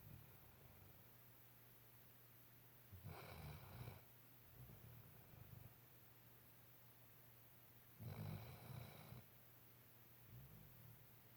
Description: Sweet puppy softly snoring